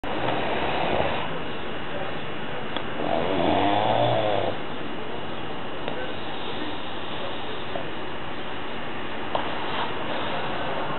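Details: Snoring from a sleeping person who does not use a CPAP device, as opposed to wearing one.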